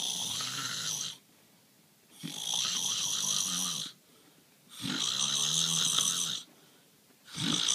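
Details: Loud rattling snores on each breath in, separated by quiet pauses, from a sleeping husband at night.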